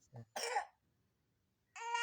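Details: A horse suffering fever and coughing gives a low grunt, then a loud harsh cough burst, a pause, and another forceful cough starting at the end; cough.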